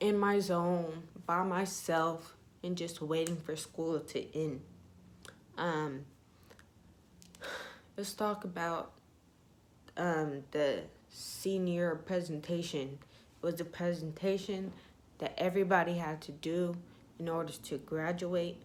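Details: Young woman with ataxia (she says type 46), symptoms beginning in her high school junior year, who says her voice trembles whenever she talks; voice tremor with ataxic speech.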